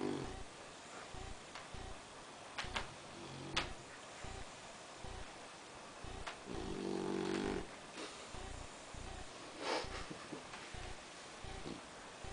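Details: Six-month-old boxer puppy sleeping and snoring with rough, rattling snores over steady room noise.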